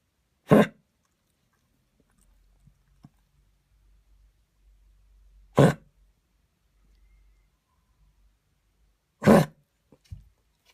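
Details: A dog that began coughing while running in the park gives three short, forceful coughs several seconds apart, part of fits lasting minutes, sometimes as if trying to bring something up; quiet room noise between coughs.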